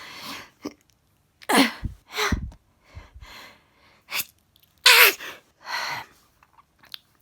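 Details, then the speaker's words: Adult sneezing fit starting at bedtime just before turning off the lights: several sharp, explosive sneezes with sniffles and short breaths between them. "i thought just before bed i would start sneezing again uh i'd nearly nearly finished putting everything away i was just about to turn the lights off to go to bed started sneezing"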